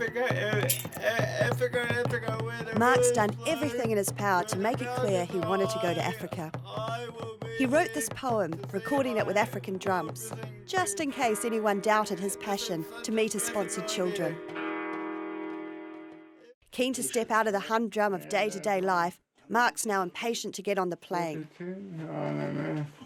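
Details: Adult narrator; normal speech.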